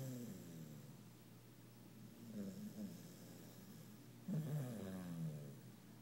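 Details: Sleeping puppy snoring, worn out after play, twisted up and twitching: low buzzing, vibrating breaths rising and falling, with a louder snort-like snore near the end.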